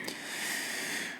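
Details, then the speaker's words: A pet pug snores loudly during a podcast recording: a hissing, snorting breath with a faint whistle and low rumble; snoring. "You can hear our pug snoring. Yeah, I got a little distracted because our pug is snoring up a storm."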